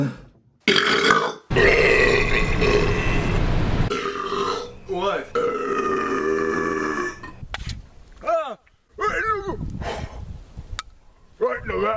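Long, loud, rumbling voiced belches, one lasting over two seconds, with short vocal sounds between them; burping.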